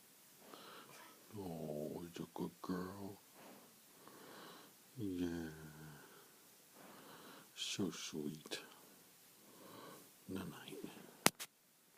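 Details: Female dog asleep on her owner's lap: soft rattling, snorting breath noises with quiet room sounds; snoring during sleep.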